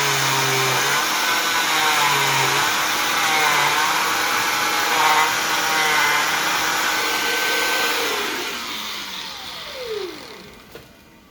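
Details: Cast removal with a zip stick slid under the cast as a barrier: steady high whining motor with shifting pitch as the cast saw cuts through the cast, winding down at the end.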